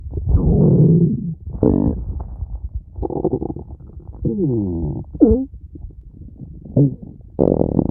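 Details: Loud gurgling and rumbling abdominal sounds with gliding squeaky tones: stomach growling.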